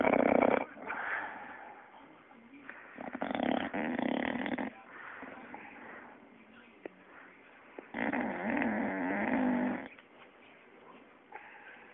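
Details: Fat bulldog Quincy snoring: loud, rough snoring in long rattling bursts separated by quieter breaths, with a fluttering snort on some inhalations.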